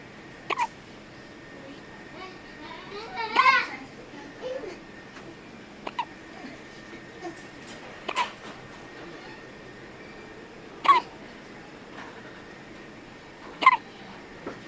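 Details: Two-week-old baby with hiccups: short, sharp catches recur irregularly, six over about fifteen seconds, with soft baby fussing between; infant hiccups.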